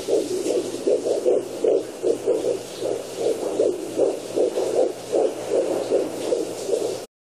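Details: Fetal Doppler: rapid, regular whooshing pulses of a fetal heartbeat, roughly 150 beats a minute.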